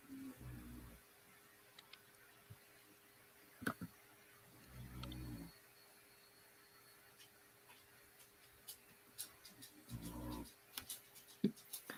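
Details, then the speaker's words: Pet dog snoring in a quiet room: low rumbling snores about every five seconds, about 13 a minute, with faint clicks between; snoring. "That's not you snoring. No, it's my dog. Can you hear it?"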